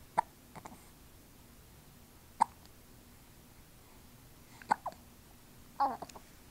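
Soft, sharp hiccup sounds at irregular intervals, about four in six seconds, over quiet room noise. Hiccups.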